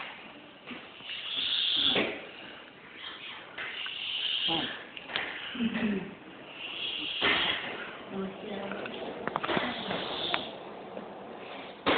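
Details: Uncle snoring: rough, rattling breaths recur every few seconds, roughly 20 a minute, in a muffled recording; snoring.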